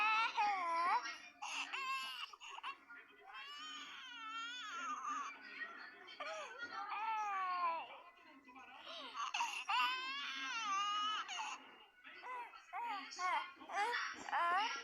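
Sustained, wavering infant crying in bursts with short catches between cries, in a small room.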